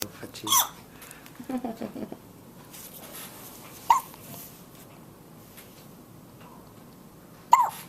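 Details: Newborn baby boy one day after birth: sharp, brief hiccup catches a few seconds apart, about 17 a minute, with soft vocal sounds between; infant hiccups.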